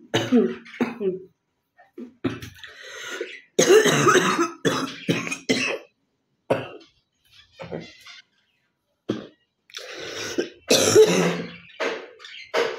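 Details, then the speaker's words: Repeated harsh coughing bouts with throat clearing between, from a woman with phlegm built up over many days, coughing it up and spitting to the side, nearly retching; a productive, chesty cough. "কাশি হয়েছে কিন্তু কপটা উঠবে, আমি সাইডে ফেলবো, ঠিক আছে?"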